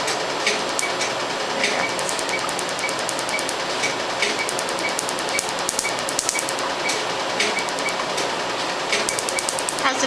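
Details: Q-switched Nd:YAG laser removing a few-years-old black professional tattoo on a light-skinned white male's leg: rapid sharp snapping clicks over steady machine hiss; patient reports more pain near the bone, on the inner leg.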